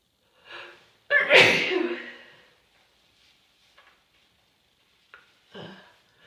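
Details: Sneezing with a cold, itchy sneezes: sharp in-breath, one forceful explosive sneeze, then quiet breathing and small sounds.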